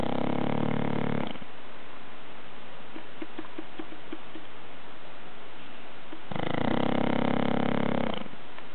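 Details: A person snoring: two long, buzzing, rattly snores with a quiet gap between them.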